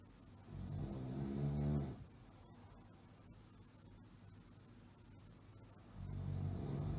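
Two loud, low, rattling breaths about four seconds apart, separated by quiet: snoring from a sound-effect recording.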